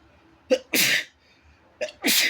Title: inducing my sneezes while my roommate is home